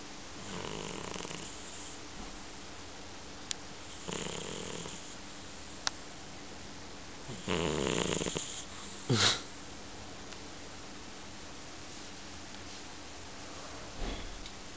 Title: Snoring - いびき